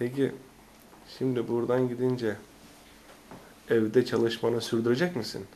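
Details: Adult male speaker; no disorder.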